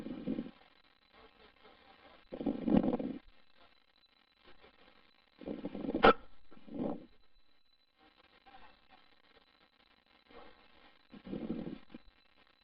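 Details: An adult man with repeated hiccups: brief low bursts recur irregularly, about 18 a minute, one ending in a sharp catch.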